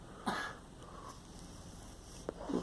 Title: Girl coughing